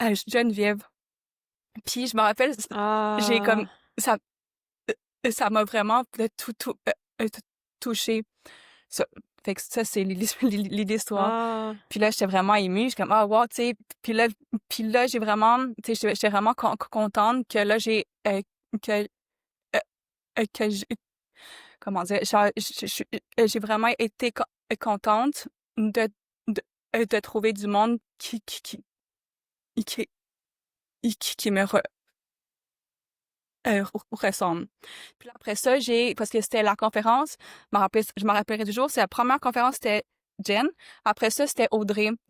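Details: Adult woman who stutters, who discovered a stuttering association in 2015; stuttering.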